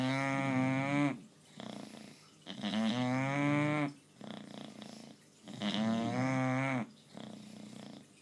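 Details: Bulldog snoring, owner jokes it sounds like a cow: loud, tonal, moaning snores on each in-breath alternating with softer rattling out-breaths, about 21 breaths a minute.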